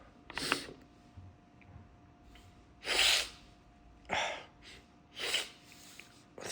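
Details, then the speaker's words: Several loud hissing sneezes with snorts and gasping breaths between them over room hum, deliberately induced by sniffing sneeze powder into the nostrils, with repeated sneezing fits; "Oh, I'm going to sneeze again." "Ah. Oh, I'm going to sneeze again."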